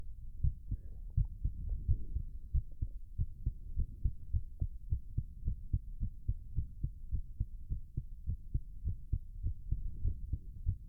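Fast, steady heartbeat thumps with faint heavy breathing; a normal racing heart during physical exertion.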